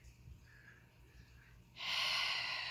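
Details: Near silence, then a sudden sustained hissing rush of air through the nose: a snort during an attempted hiccup cure for a girl with hiccups.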